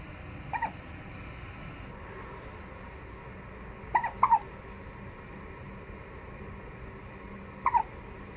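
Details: Infant twins alternating hiccups: brief, sharp hiccup sounds, single and paired, spaced irregularly over several seconds against steady room hiss.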